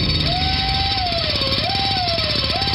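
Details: Steady high whine rising and falling in pitch over constant noise: a dental drill sound effect in a radio advertisement for a dental office.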